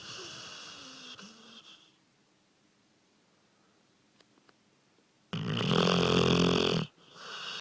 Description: Loudest snoring dog in the world